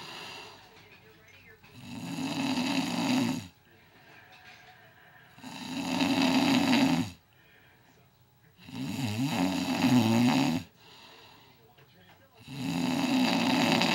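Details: Adult snoring before starting CPAP treatment: loud, rough inspiratory snores about every 3.5 seconds, roughly 17 a minute, with quiet breathing between.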